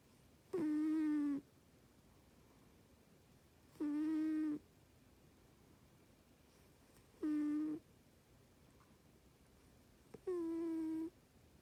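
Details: Sleeping cat: four drawn-out, voiced snores about three seconds apart, roughly 19 a minute, in a quiet room; snoring.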